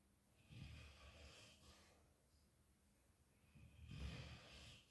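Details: Yellow Labrador retriever snoring loudly in her sleep: two rough, airy, rattling, snorting breaths in a quiet room; normal dog snoring.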